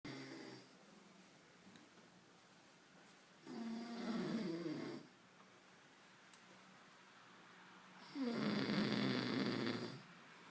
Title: Kid snoring like crazy.